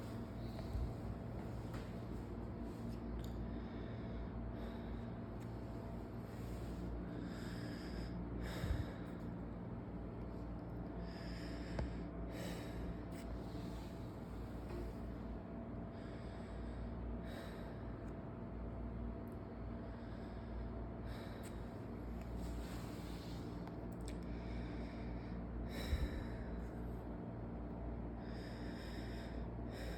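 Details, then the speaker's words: Adult male patient, anterior chest lung auscultation with stethoscope diaphragm, starting at the trachea then supraclavicular and infraclavicular regions, deep mouth breathing: soft regular whooshes over room hum; normal breath sounds without added noises. "então a gente realizou aqui agora a oscula pulmonal do paciente aqui no tlex anterior a gente osou as regiões supr clavic primeiro a gente começou pela região traqueal onde a gente aos cutos som traqueal"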